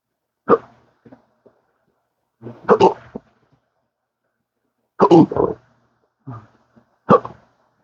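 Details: Chronic intractable hiccups since December 2015, after surgery with nerve damage, in daily 12-hour episodes with occasional burps, worsened by talking: repeated abrupt gulping hiccups, about five in eight seconds, some with a voiced catch.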